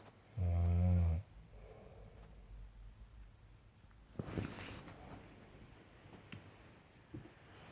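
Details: One loud, deep, buzzing snore followed by softer breathing noises in a quiet room from a sleeping person; snoring.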